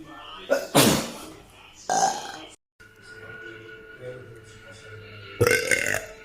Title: •TIKTOK• Girls burping complication! #2